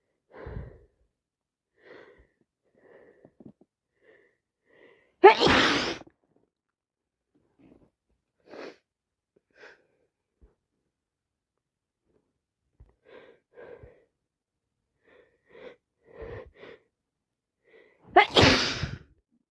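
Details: Person with a common cold, feeling sick and snotty, sneezing and sniffling: two forceful sneezes with sniffs and short breaths between them.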